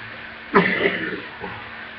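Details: One harsh, throaty cough burst with a rough tail, then a faint second sound, during a severe deep chest coughing attack needing an inhaler and breathing treatment; poor-quality laptop recording; cough.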